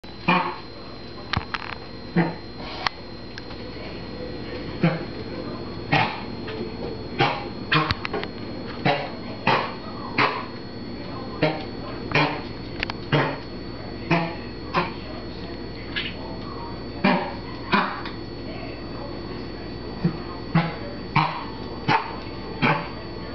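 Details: A dog gives repeated short, harsh hacking coughs in clusters against a steady indoor hum.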